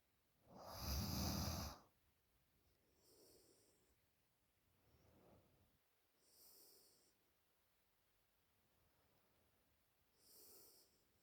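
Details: 20-year-old girl snoring loudly in sleep: one very loud rasping snore, then softer snoring breaths with hissy whistling exhalations about every 3 seconds.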